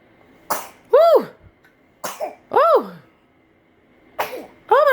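Three short, sharp infant coughs, each followed by a rising-and-falling babbling sound, in a quiet room.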